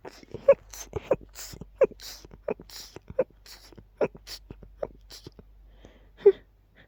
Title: Unbelievably quiet and rapid sneezing fit